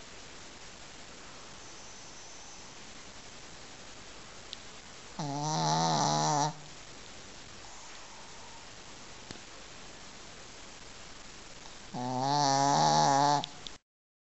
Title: Snoring dog